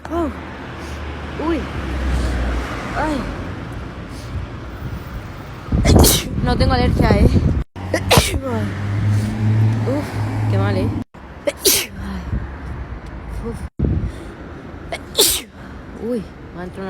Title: Hot TikTok Sneezes